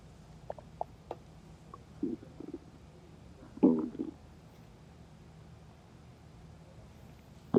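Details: Loud stomach growling in a quiet room: gurgling, rumbling bursts with a loud growl midway. The person had not eaten before or during work after forgetting lunch and was very hungry; normal hunger-related borborygmi.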